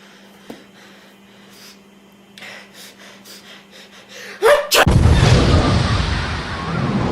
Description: Enjoy as an innocent human builds up a bodily disaster